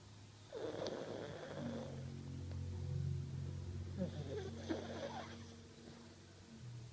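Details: 10-year-old fox terrier asleep: loud, low rumbling, snorting breaths with faint background noise; snoring.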